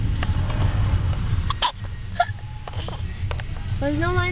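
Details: A young child hiccuping in a car on the way to the zoo: short sharp catches of breath over steady low car rumble, brief voicing at the end.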